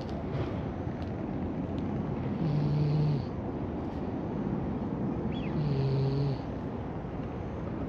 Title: 茶シロ猫が大きないびきをかいて気持ちよさそうにお昼寝する